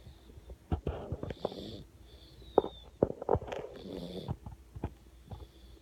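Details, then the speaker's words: Dog (Ranger) snoring while asleep: irregular, rattly snorting breaths with soft low rumbles between them. "Ranger, you're snoring, baby. You're snoring."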